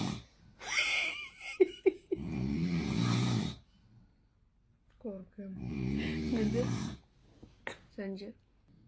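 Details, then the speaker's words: Someone at home snoring during the pre-dawn sahur meal: two long, loud rattling snore-like breaths with pauses between and brief vocal sounds, possibly exaggerated for comic effect; snoring. "Evde dinozor var. Evde odun kesiyorlar. Testere dizisinde rol aldı mı acaba?"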